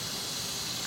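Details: The vacuum suction is switched on during an anesthesia machine check and room setup, giving a steady, even hiss from the suction regulator.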